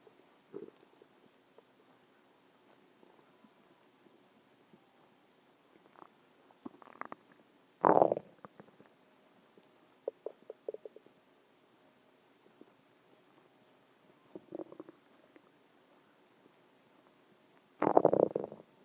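Scattered gurgles and two louder rumbling growls over quiet background: ordinary stomach growling, a normal bowel sound.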